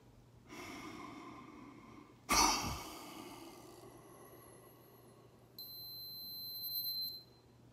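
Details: Man almost 57 with cystic fibrosis doing home spirometry on a Microlife PF100 handheld device: a short forceful blast of breath, then high device beeps; FEV1 readings around 2.86 to 2.94, about 65% predicted for his age and sex.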